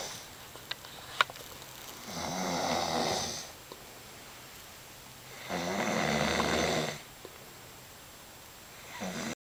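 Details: Slow, rough snoring on each breath in, about two snores in nine seconds, with quiet pauses between; ordinary snoring from a sleeping person.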